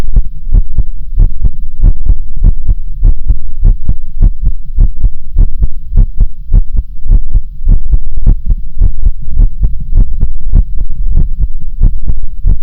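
Fast, strong, steady thumping heartbeats, roughly 130 a minute, with a low hum behind them; a rapid heartbeat.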